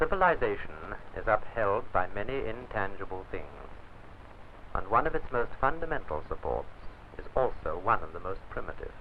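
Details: Adult male narrator, old film recording; Normal speech.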